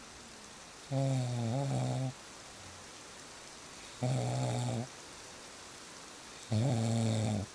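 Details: Real snoring recording: three long, loud, buzzing snores about 2.5 seconds apart over steady rain, roughly 24 a minute, with quiet pauses between; snoring.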